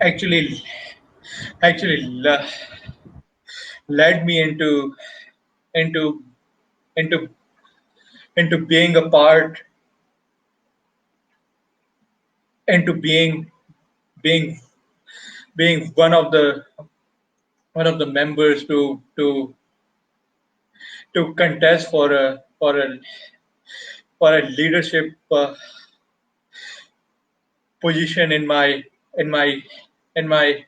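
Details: Adult who has stammered since age 6, now a Toastmasters member, with word and part-phrase repetitions; stuttering.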